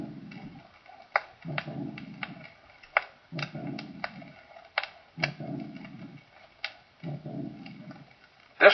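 Slowed heartbeat, about 40 a minute, with a short rough murmur after each first sound: aortic insufficiency with a systolic murmur.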